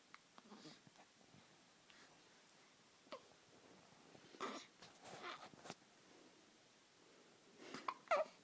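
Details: Baby's hiccups: brief, soft, sudden catches of breath among quiet infant breathing and small vocal sounds; infant hiccups.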